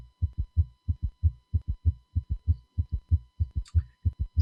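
Regular heart sounds at about 95 a minute, with an extra soft low thud after the second sound in later beats: an S3 gallop. Brief speech at the end.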